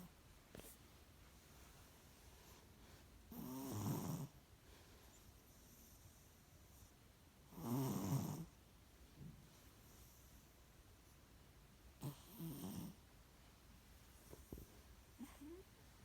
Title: Snoring Panda